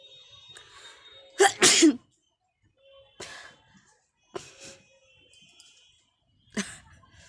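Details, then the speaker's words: Person sneezing during a sneezing challenge, deliberately induced by tickling the nose with a grass flower and sticks, eyes and nose watering: a strong double sneeze, then several smaller sneezes and sniffs in a quiet room. "চোখের জল চলে আসছে একবারে। দেখতে পাচ্ছ, চোখের জল নাকের জল সব এক জায়গায়। কি অবস্থা আমার।"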